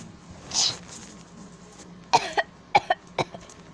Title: My brother coughing and sneezing at 8:00 PM